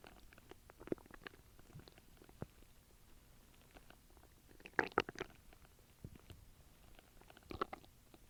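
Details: Person's stomach noises recorded with background noise: soft gurgles, squelches and bubbling pops over a low background hiss; stomach rumbling (borborygmi).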